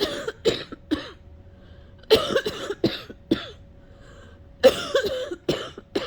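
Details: Person sick for a while struggles to cough something up and can't, coughing repeatedly until it caused a headache.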